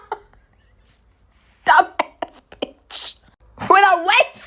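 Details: Staged comedic skit of a friend sneezing while hiding from a serial killer: a loud, drawn-out sneeze with a vocal wail, preceded by quiet whispered sounds.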